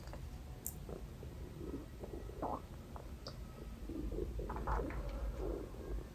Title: salivation & stomach growling | best video ever